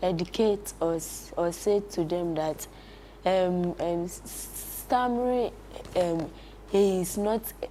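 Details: Child who stammers, attending a stammering support camp program; he reports prolongations, repetitions and blocks in his speech; stuttering.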